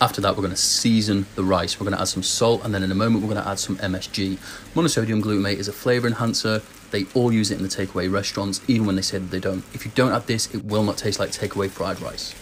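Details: Adult male speaker; typical speech.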